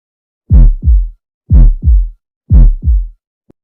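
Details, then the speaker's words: First heart sound (S1) in a cardiac auscultation teaching recording, attributed to tricuspid and mitral valve closure during ventricular systole: deep, regular paired heart sounds at about 60 a minute, with the first sound of each pair stressed. "ruidos cardíacos el primero ido se debe al cierre de las válvulas tricúspide mitad debido a la sístole ventricular"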